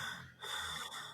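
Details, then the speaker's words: Labored breathing in a COVID patient with respiratory history and excess weight, on the third day, after going up and down stairs: a brief, noisy, gasping breath with harsh airflow. "having trouble breathing this is after going up and down the stairs it's very labor breathing"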